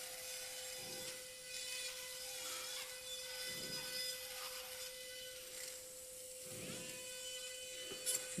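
Steady high motor whine with irregular gritty rasping bursts as a powered shaver works on bone during endoscopic sinus surgery.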